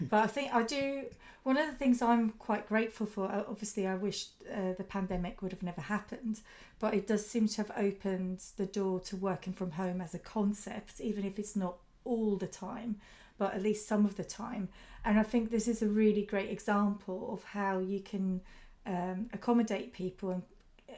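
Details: Adult woman speaking; normal speech.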